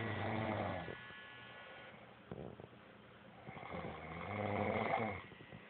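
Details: Male snoring loudly during sleep: low rumbling snores with a soft whistling tone in a quiet room.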